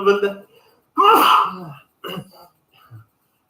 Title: Uzbek man sneezing